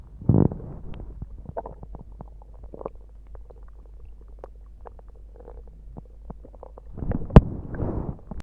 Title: Quick stomach growls